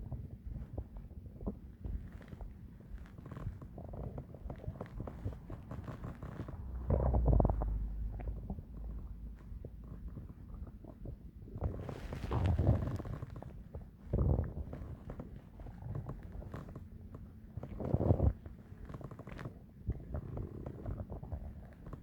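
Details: Loud digestive stomach growling: low gurgling and rumbling bowel sounds (borborygmi) with several louder growls, typical of active digestion.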